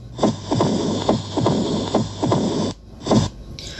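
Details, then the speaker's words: Simulated heart sounds from an auscultation practice app: regular thumps near 70 a minute with low rumbling between beats, the mitral stenosis murmur, presented as moderate mitral stenosis. "también va a haber patologías por ejemplo una estenosis mitral leve una estenosis mitral moderada"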